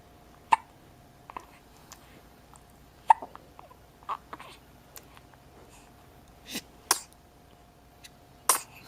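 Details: Infant with morning hiccups: short, sharp catching sounds at irregular intervals, about four in nine seconds, in a quiet room with a faint hum.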